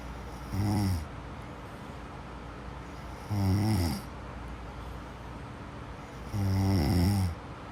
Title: صوت شخير النوم sleep snoring sound